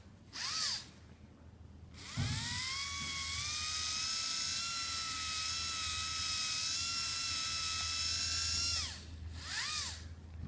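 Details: Whole-mouth polishing with prophy paste, extraoral fulcrum, patient turning head as directed: steady slow-speed dental handpiece whine for several seconds, with brief clicks before and after.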